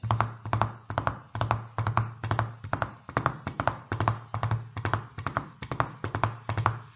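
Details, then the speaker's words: Imitated S3 gallop: rapid triple-beat tapping standing in for a third heart sound, a sign of heart failure with ventricular dysfunction; said to be best heard at the apex with the stethoscope bell. "se hoy si ustedes oyen s galope por tercer río ya saben que es un signo de insuficiencia cardiaca y disfunción ventricular de acuerdo muy bien"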